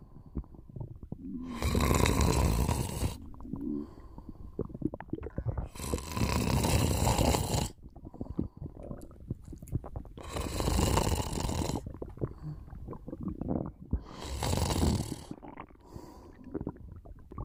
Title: Just a little nap^^ Snoring and stomach sounds